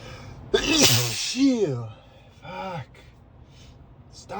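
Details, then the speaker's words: Adult male sneezing while driving to work, allergy medication taken that morning not working, with frequent snorts: a loud explosive sneeze with a voiced cry, then a shorter second sneeze. "I'm so sneezy driving to work this morning. [snorts] Good thing this isn't a busy highway."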